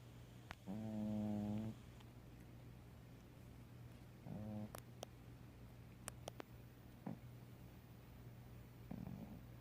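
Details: Snoring from a sleeping female cat, unedited real recording: low, buzzing, rumbling snores, two clear and a fainter third, against a steady room hum.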